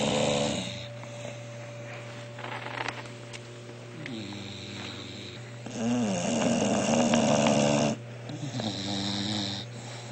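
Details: Sleeping bulldogs: loud, continuous snoring with rattling, whistling breaths and wavering pitch, apparently from more than one dog.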